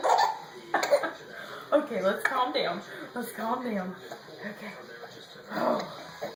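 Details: Several short, sharp coughs from the baby's mother, each followed by the baby's bright, bubbling laughter in a small room.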